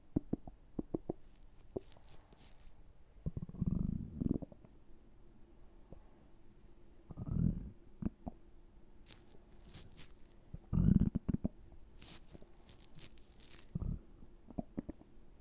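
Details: Stomach gurgling with repeated low gurgles and rumbles and scattered small pops from gas and fluid moving through the gut; borborygmi.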